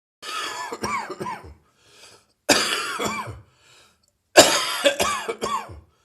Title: Residual Heavy Chest Cold Coughing